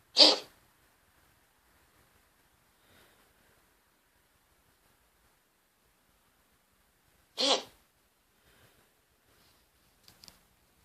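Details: Cat, owner suspects respiratory issues: two brief, sharp, explosive coughing bursts about seven seconds apart in a quiet room; cat cough.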